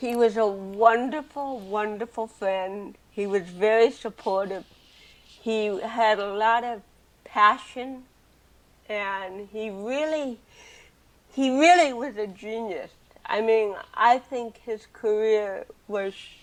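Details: Adult woman with cerebral palsy from birth, also hearing impaired and wearing hearing aids, speaking in a real 2013 interview; dysarthria in cerebral palsy.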